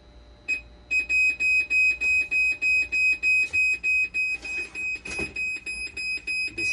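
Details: Rapid, regular high-pitched beeping, about 200 a minute, from a dialysis machine under repair for a conductivity fault, 12-volt and BP cuff problems while sensor and actuator boards are swapped; dialysis machine alarm.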